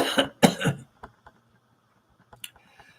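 Two loud harsh coughs followed by a throat-clearing rumble, then a few faint small sounds.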